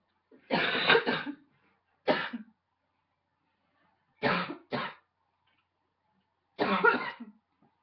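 Five harsh, brassy coughs in separate bursts, fitting a barking cough in an adult.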